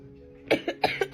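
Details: Adult coughing for over four weeks: allergies with asthma that turned into bronchitis, now of unknown cause, with no fever and swabs sent for testing; a quick run of four short, harsh coughs after a pause, faint music underneath; persistent cough.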